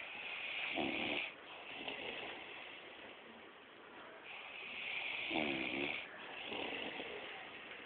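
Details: A sleeping bodybuilder snoring: two rough, rattling snores a few seconds apart, made while breathing in, against a steady hiss. Ordinary snoring.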